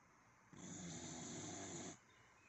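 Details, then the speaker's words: Dog in deep sleep snoring: one steady, rattling snore on an inhalation, under two seconds, in a quiet room. "Sound like dishes. You snoring."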